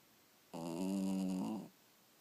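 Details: Dog snoring: a single rough, buzzing breath lasting about a second in a quiet room.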